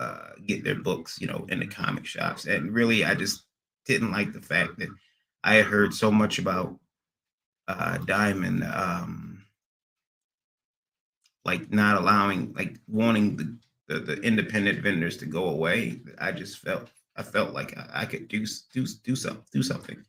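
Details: Adult man with a recent transient ischaemic attack, MRI showing some damage, seeing a neurologist and receiving physical, occupational and speech therapy; speech not fully recovered and he stutters occasionally; acquired (neurogenic) stuttering.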